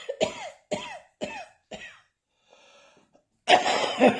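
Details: Adult still coughing occasionally: a run of four quick, sharp coughs, each with a brief voiced tail, then a pause and rustling; repeated cough.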